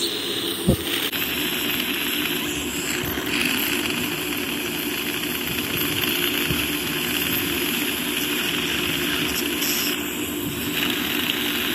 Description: Dentist performing teeth scale and polish procedure on patient